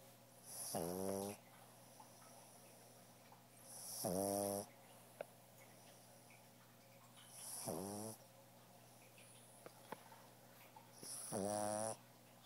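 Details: A pug snoring while asleep: four loud rattling snores on the in-breath, about every 3.5 seconds (about 17 a minute), with quiet pauses between.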